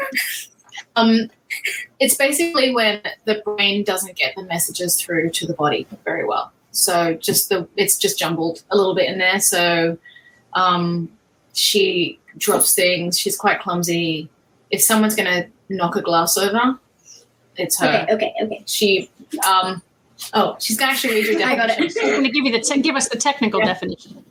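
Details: Adult woman speaking; ordinary speech.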